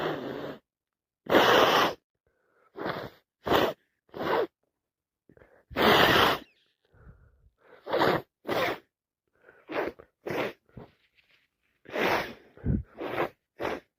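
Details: Person with allergies and a cold: repeated short sneezes and sneeze build-ups in quick succession, with sharp breaths in and sniffles between; non-stop sneezing with dripping nose.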